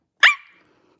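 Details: Girl with Tourette syndrome during a livestream: a brief high-pitched squeak, a short pause, then a sudden loud honk-like vocal burst, an involuntary vocal tic that she says she cannot control.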